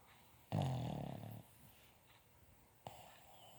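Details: Boston Terrier relaxing and snoring: a low, rattling snore lasting about a second, then quiet and a brief snort.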